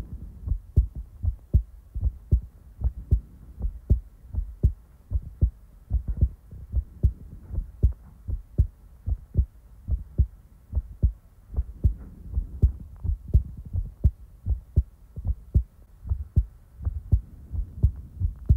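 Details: Real-time heartbeat ASMR recording: steady, even, unhurried paired low thumps at about 76 beats a minute; a normal heartbeat.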